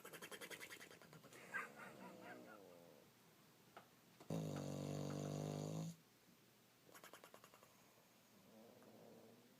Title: Brozer the bulldog snoring and flappy lips.